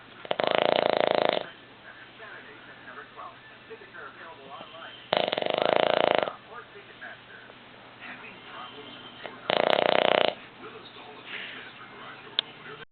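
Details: Sleeping Boston Terrier dog lying on a couch gives three loud, harsh, rattling snores about four to five seconds apart, with quiet breathing between them: snoring.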